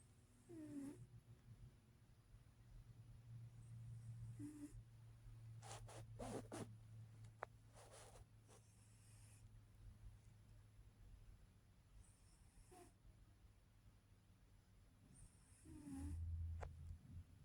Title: Snoring